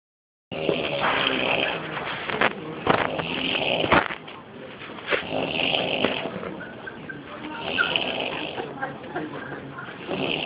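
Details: A woman snoring while asleep in a hospital emergency waiting room: loud, irregular, rasping breath noises with some gurgling, over a noisy background.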